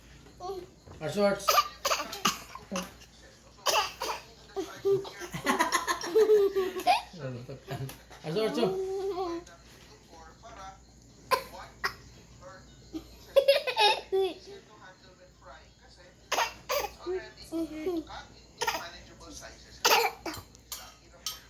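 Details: Young child makes short, deliberate fake coughs between giggles and playful vocal sounds; voluntary cough.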